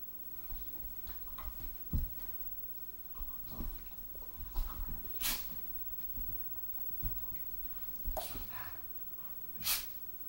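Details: Sneezing in a dog while playing with another dog and bumping into each other: about three short, sharp snorting bursts over quiet breathing and snuffling.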